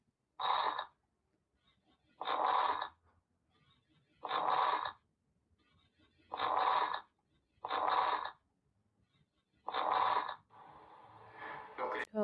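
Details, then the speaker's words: Coarse crackles: repeated rough, bubbling discontinuous bursts with each breath, like blowing through a straw into a glass. "de criptantes de burbuja gruesas que también se pueden llamar sonidos discontinuos una de las características en las que puedas identificar muy rápido este tipo de sonidos es como si se soplaras con una pajilla en un vaso"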